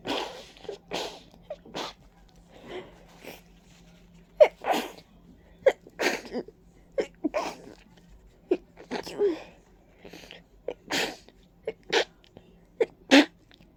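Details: Many huge, wet, congested sneezes in quick bursts with sniffing between, about a dozen in fourteen seconds, from a stuffy person with a runny nose and watery eyes who attributes it to ragweed and dust allergy; allergic rhinitis sneezing.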